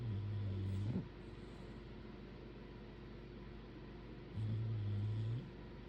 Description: No background music here—just the soothing, rhythmic sounds of Hank and Lucy’s legendary snores. It’s the ultimate therapy by bulldogs.